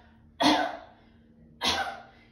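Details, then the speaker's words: Two sharp, forceful voluntary coughs about a second apart in a quiet room, performed while activating the pelvic floor and abs to prevent leaking during coughing. "so if you cough here that puts pressure down try coughing and activate that pelvic floor ABS pulling everything up"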